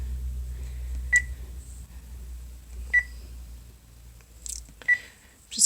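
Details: Peritoneal dialysis cycler at home while checking the therapy program before treatment: three short, identical electronic keypad beeps a couple of seconds apart in a quiet room.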